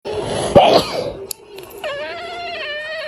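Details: A short, sharp sneeze-like burst from a cat, followed by a clear drawn-out meow; cat sneeze.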